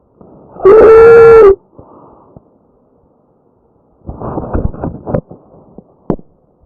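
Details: Real patient recording: tracheal stridor.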